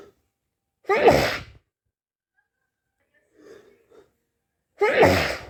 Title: itchy sneezes